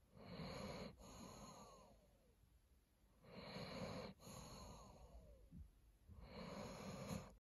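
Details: Sleeping Doberman dog snoring: deep, rattling inhaled snores at about 20 breaths a minute, each followed by a soft falling nasal whistle on the out-breath.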